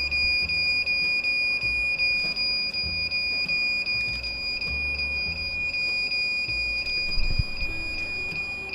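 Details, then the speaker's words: Electrosurgical cold plasma device that beeps only while its tip is active: a steady high-pitched tone with rapid regular pulsing beeps over low room hum. "So what you hear, this beeping, is when it beeps only when the tip of the device is on."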